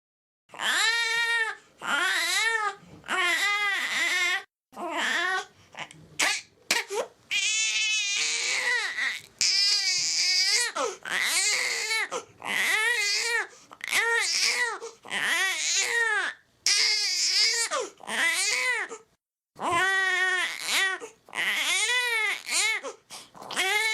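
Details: Baby cries in repeated high-pitched wailing bursts, each separated by a quick breath; infant crying sound effect.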